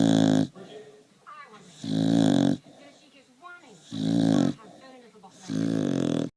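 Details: Staffy dog snoring.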